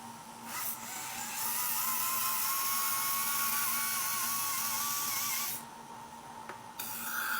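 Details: Slow-speed prophy-angle handpiece used in dental assistant polishing training, working on lingual tooth surfaces with light, intermittent 1–3 second swipes per tooth: steady, high, wavering motor whine that stops briefly, then restarts.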